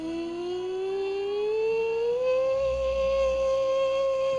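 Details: Patient sustaining a vowel with rising pitch and growing loudness during transnasal fiberoptic stroboscopy: normal phonation.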